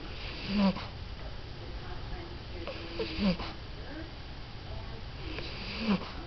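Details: 14-year-old French bulldog falling asleep: short snorting snores with whistly nasal squeaks, about three in six seconds, over room hum; snoring as she drifts off.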